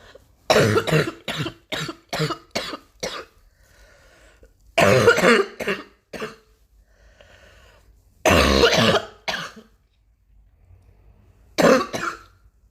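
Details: Adult, still coughing heavily, with repeated coughing fits: a run of about six sharp coughs, then further bouts, a persistent cough.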